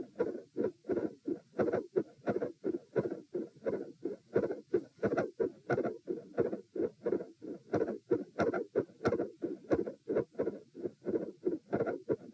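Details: Heart auscultation during a stress test at position M, with sitting, standing and lying phases at 90, 108 and 72 bpm: a steady heartbeat near 90 a minute with a split S2, a soft mid-systolic murmur and electrical disturbance.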